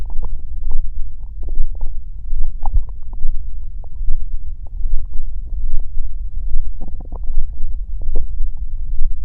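Low, irregular gurgling and rumbling from the belly: ordinary stomach growling from gas and fluid moving through the gut.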